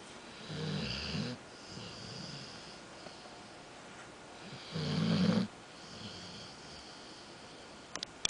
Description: More snoring from my dog